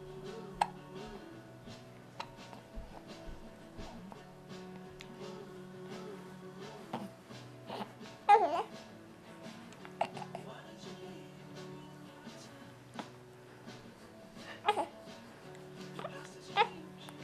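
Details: Hiccups: brief abrupt hiccup sounds recurring every few seconds, heard over background music and some babbling.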